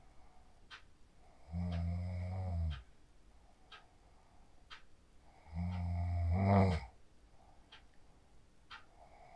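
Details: Sleep snoring recorded on a mobile phone after practicing the 4-7-8 breathing technique: two deep, buzzing snores about four seconds apart, with quiet breathing and faint room clicks between; slow, steady snoring.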